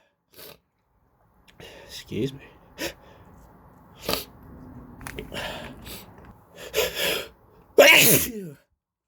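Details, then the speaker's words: Person with a cold sneezing repeatedly, several sharp explosive sneeze bursts in a row, the last and loudest ending in a voiced trailing sound, in a quiet room; sneezing. "Excuse me. Excuse me. I'm gonna sneeze again. Gosh."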